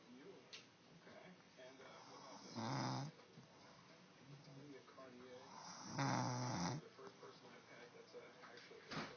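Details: Two deep, rumbling snores on inhalation with softer snuffling breaths between, a few seconds apart, from an adult woman (the wife); snoring.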